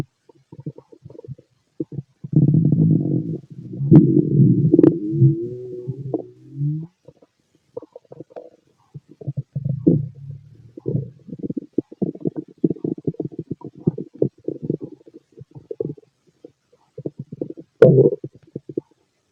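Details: Male stomach growling, loud, from a healthy digestive system: long gurgling rumbles and bursts of bubbling from the belly; normal bowel sounds.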